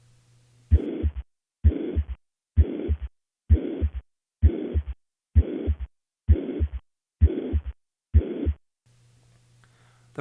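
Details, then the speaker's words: Holosystolic mitral regurgitation murmur: regular heartbeat near 65 per minute with a steady, uniform murmur filling each systole, from a constant left ventricle–left atrium pressure gradient. "pressure gradient between the left ventricle and the left atrium remains relatively constant throughout syy resulting in a uniform or holosystolic shape"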